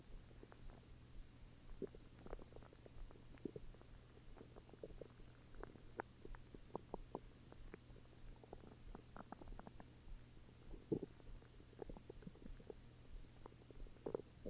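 Frequent gurgling, bubbling bowel noises over a steady low hum; normal stomach growling.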